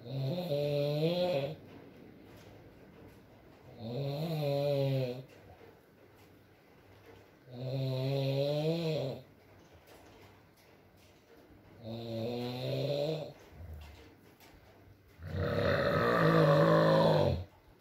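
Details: ASMR recording of a sleeping man (boyfriend) snoring: groaning, humming snores about every four seconds, roughly 15 a minute, with a soft rain-like hiss behind; snoring in sleep.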